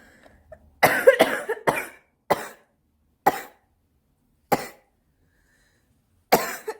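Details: A fit of about eight harsh, rough coughs, first in clusters and then spaced out, from a smoker who then says they need a cigarette: smoker's cough.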